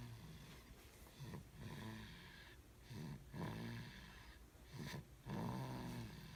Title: snoring